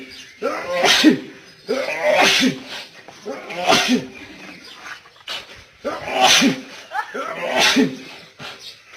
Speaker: This man can't stop sneezing. Have you ever seen anything like it? Why do you think he's sneezing so much?